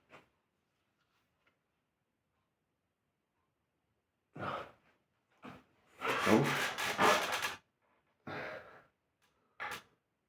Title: Sneezing on chair